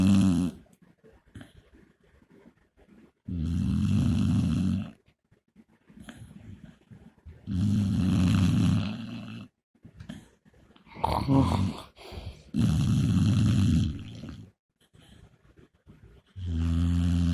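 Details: Pit bull dog asleep on a couch: loud, regular rattling snores on each in-breath, about 15 breaths a minute, with quiet gaps between; heavy snoring.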